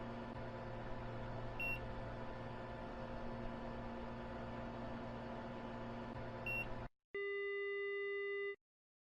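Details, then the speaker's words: Simulated VR panoramic dental X-ray machine finishing an exposure: low hum with two short faint beeps, then a longer steady final tone as it halts, after which the forehead supports are released. "Once the machine gets to a halt and the final beep sounds, the imaging process is concluded and we now can release the forehead supports."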